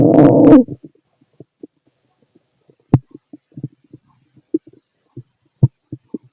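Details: Fit male's stomach growling heard through a stethoscope: a loud gurgling growl, then scattered soft bubbling clicks; normal bowel sounds.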